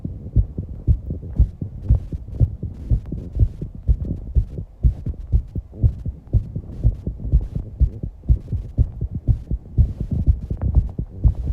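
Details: 19-year-old girl's fast heartbeat (tachycardia) after exercise, recorded alongside heavy breathing and some breath-holding: rapid, regular low thumping at about 120 beats per minute with a steady hum beneath.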